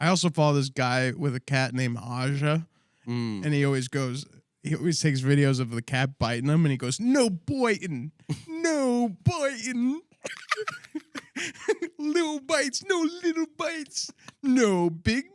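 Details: Adult man speaking; normal speech.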